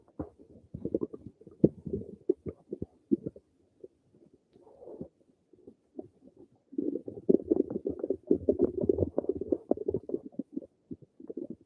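Irregular gurgles and bubbling rumbles, with a busier stretch toward the end: ordinary stomach rumbling from gas and fluid moving through the gut.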